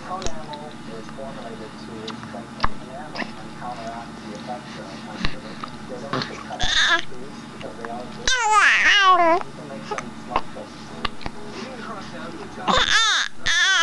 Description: My daughter hates the hiccups, and she tells you all about it in this video!